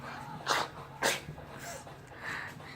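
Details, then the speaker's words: Two quick, sharp sneezes in rapid succession, a rapid-fire sneezing pattern, from a person who says they have a bad cold; sneezing. "So let's get started with the loud one sneezer. Excuse me. The second type of sneezer is the rapid fire. So much cold, my god."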